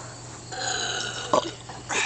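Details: Child's drawn-out, buzzy belch about a second long during a family burping contest between kids and their father; normal release of swallowed air, burping (eructation).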